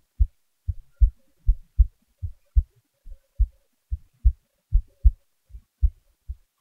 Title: my heartbeat recording